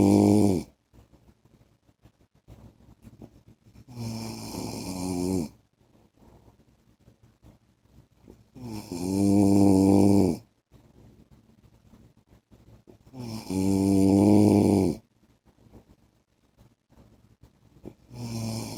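Slow, loud, buzzing snores on each inhalation, about 4 a minute, with soft breathing between; snoring during sleep.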